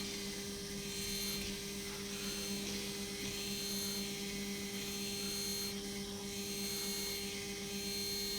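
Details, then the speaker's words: Zygomatic implant drilling demonstrated on a model of an extremely resorbed maxilla during a hands-on demo; continuous high drill whine with steady hum, rising and falling as the drill cuts on the back stroke only, preserving sinus lining. "so now we are drilling back and forward and the drill is going to drill on the back movement not on the forward but on the back"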